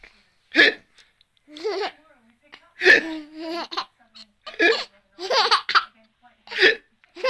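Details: Baby son with hiccups, alongside a parent's imitation of the hiccups that the baby laughs at: hiccups.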